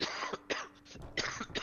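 Three short, harsh cough bursts from an adult, with brief quiet gaps between them.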